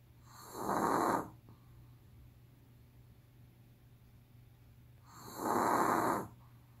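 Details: Sleeping Pomeranian dog snoring heavily: two loud, rasping snores about five seconds apart, roughly 12 breaths a minute, with quiet pauses between.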